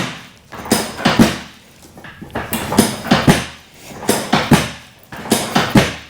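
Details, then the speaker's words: Chiropractic adjustment of a long-term low back pain patient, working from pelvis up: several sharp pops and thuds with table and body movement; joint cavitation, gas escaping the joint. "you guys are going to hear some popping the cracking there're just gas Escaping The Joint"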